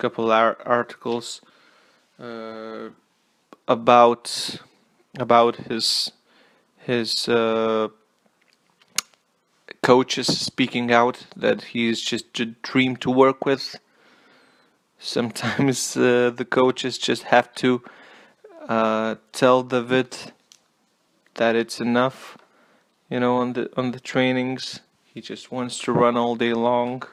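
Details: Stuttering with word repetitions in an adult male non-native English speaker who apologizes for his stutter.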